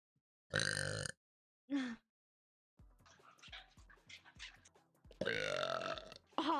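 Several loud, voiced belches with brief sounds and quiet talk between them; repeated burping.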